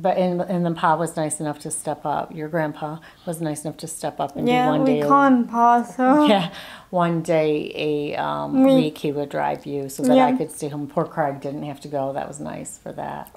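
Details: Adult woman speaking, possibly with a second family member briefly joining; Ordinary speech.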